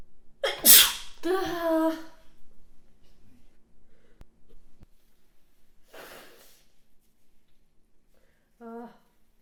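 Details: Adult woman's loud, wet sneeze with a voiced burst, followed by a quieter sneeze and a short sniff or vocal sound; sneeze.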